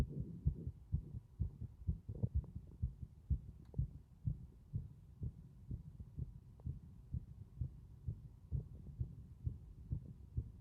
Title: 呼吸音多めな心臓音